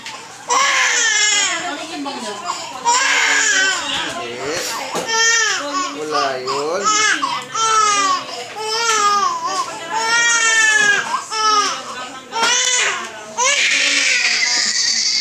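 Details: Four-month-old girl having her ears pierced: loud, sustained high-pitched crying and screaming in repeated bursts with gasping breaths; an infant pain cry.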